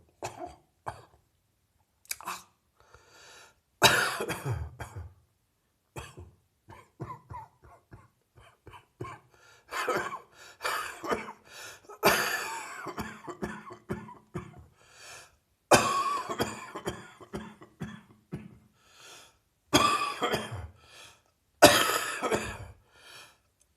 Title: More Heavy Chest Cold Coughing